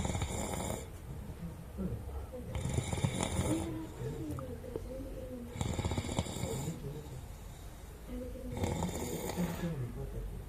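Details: Adult man asleep gives four loud, harsh rattling snores about three seconds apart, roughly 20 a minute, with softer, lower snoring between.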